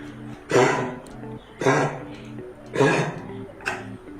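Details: Dog giving four loud, dry, honking coughs at steady intervals, presented as kennel cough (upper respiratory infection), often mistaken by owners for a bone stuck in the throat; soft background music.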